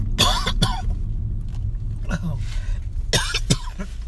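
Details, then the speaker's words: Adult with sudden-onset coughing and sneezing while speaking on a call: several short harsh bursts, a mix of coughs and throat clearing, over a steady low hum. "oh goodness. All of a sudden I start coughing. I'm like, good grief. And sneezing."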